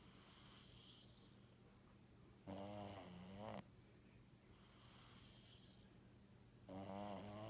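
Two rattling, buzzing snores on the in-breaths, about four seconds apart, with faint background hum; snoring in a sleeping cat.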